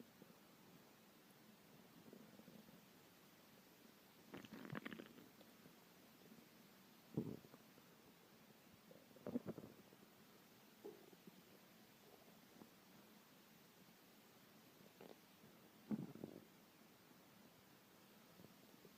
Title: my hungry stomach growling